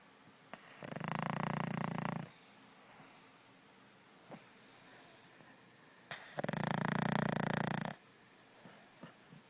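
Two long, loud, rattling snores separated by a quieter stretch of breathing. Heavy snoring in a flat-faced dog.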